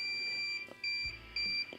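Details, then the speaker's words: Portable pain pump alarm after arthroscopic rotator cuff surgery in the first week of recovery: repeated high-pitched electronic beeps in a quiet room; the pump keeps going off when finished. "Then pain pumps going off again. So when you get finished with the pain pump, you throw it in the trash. Obviously, you throw it in the outside trash because it's going to beep like this."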